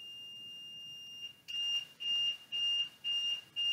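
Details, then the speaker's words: Vela ventilator during operational verification test: accept key held while power switched on, a steady high beep, then repeating on-off alarm about two a second, normal during power-on self-test, patient not connected. "to do this simultaneously hold down the accept key on the front of the ventilator while switching the power on at the rear of the ventilator it's normal for the ventilator to alarm during this process"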